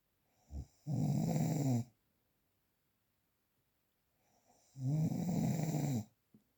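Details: Real, unprocessed recording: two long, loud rattling snores about a second each, separated by silent gaps in a quiet room; typical sleep snoring.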